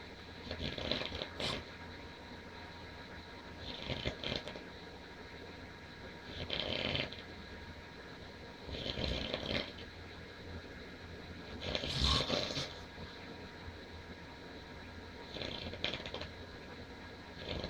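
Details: Adult man dozing on a sofa, snoring loudly: rough, noisy snores about every 2.5–3 seconds over steady room hum.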